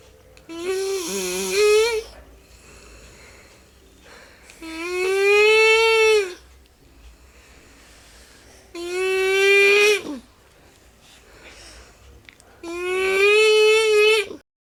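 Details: Elderly woman (grandmother) at home snoring: loud, tonal, groaning snores about every four seconds, roughly 15 breaths a minute, with quiet pauses between.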